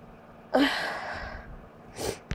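One forceful sneeze trailing into a long breathy exhale, then a shorter burst; an ordinary sneeze.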